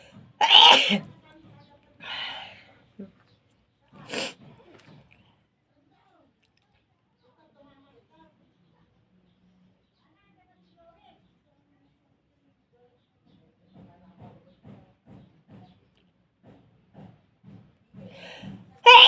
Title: Feather Inducing sneezes .